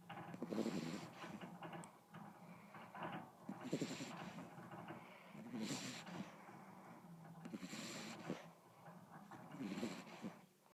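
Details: Snoring in a sleeping beagle; soft, rhythmic snuffling snores about one every two seconds with a faint wheezy edge.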